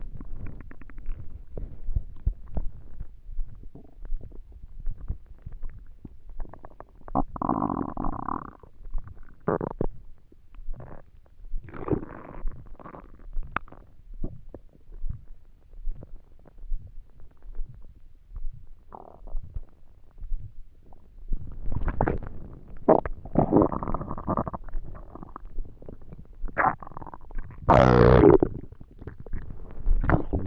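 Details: Borborygmi from an empty stomach while trying to sleep: irregular low gurgles and longer rumbling growls of hunger.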